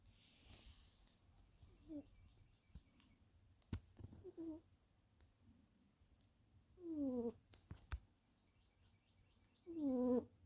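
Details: A sleeping tuxedo cat snores softly and rhythmically during a nap while songbirds tweet in the background: cat snoring.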